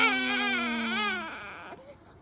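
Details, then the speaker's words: Newborn baby girl, tired and getting cranky after cooing, gives a single sustained, fussy wail that fades into a soft whimper; an ordinary tired infant cry. "Oh, getting cranky instead. She's tired."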